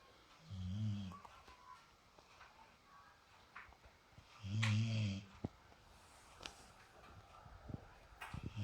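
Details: Two low, grunting snores about four seconds apart with light rustling between, from a sleeping pet dog relaxing: ordinary snoring.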